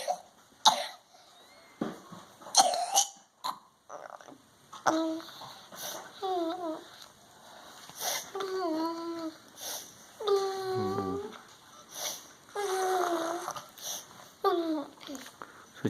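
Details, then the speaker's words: Young child with worsening cough after eating potato chips plus allergic nasal congestion and mouth breathing: several harsh cough bursts, then drawn-out wailing sobs between further coughs; cough with crying. "现在的话呢，吃完饭后要睡一下，有点辛苦，咳得很厉害，所以一直哭。"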